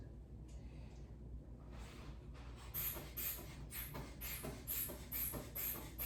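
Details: Manual sphygmomanometer cuff inflation on adult patient's raised arm during orthostatic vitals assessment in acute care by student physical therapist, after about a minute; reading 110/76.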